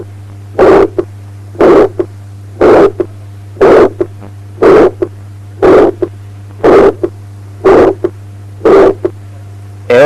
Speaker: Aortic stenosis in aortic area, a medium pitched to harsh ejection systolic murmur which ends before the second heart sound.